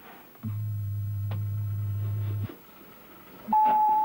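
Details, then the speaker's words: Two steady pure test tones, one low and one higher, played during an audiogram at an ENT for a 16-year-old with early hearing loss from loud music; the result was a 20 dB loss at 6000 Hz in both ears. "pour nous Arnaud a accepté de se rendre chez l'ORL de la famille et d'y subir un audiogramme"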